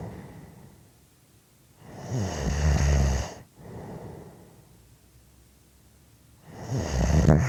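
Deep, loud snores on inhalation with quieter breathing between, about two breath cycles heard; ordinary heavy snoring.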